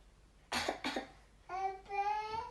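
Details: 10-month-old baby imitating dad's dry cough: two short dry adult coughs, then the infant makes two voiced cough-like sounds in reply; imitated cough.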